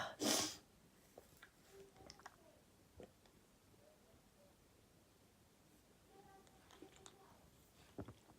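A single sharp sneeze at the start, followed by quiet room sounds and faint clicks.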